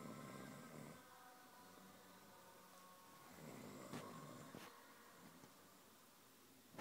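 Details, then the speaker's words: Snoring. "This is having a bit of a snore."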